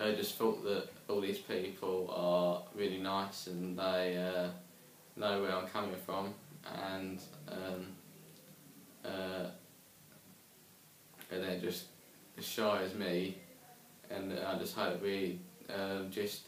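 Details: Young man who stammers, after attending an intensive group therapy course for stammering; stammering.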